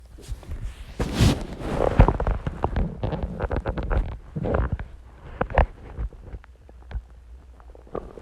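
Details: Loud stomach growling about an hour after eating eggs and ice cream and drinking Coke: low rumbling and gurgling with bubbly pops, loud active bowel sounds.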